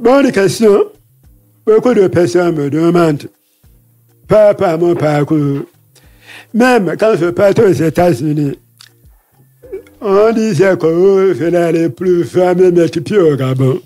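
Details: Man deaf since childhood after an illness and hospital visits, lip-reads; he says his voice has not sounded normal since a throat operation as a child in paediatrics; real French speech; deaf speech with altered voice.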